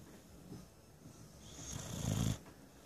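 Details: A Bully dog snoring on a lazy Sunday: a low, rattling breath that builds to one loud rumbling snore.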